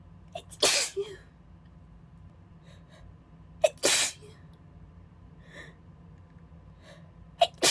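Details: Female, still a little sick, not suppressing: two loud, breathy, spraying sneezes with a sharp intake before each, then the start of a third; sneezing fit.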